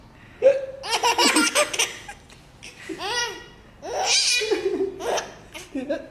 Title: Hiccups are funny...